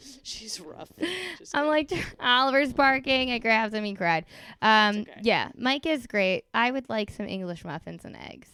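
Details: Adult woman speaking; ordinary speech.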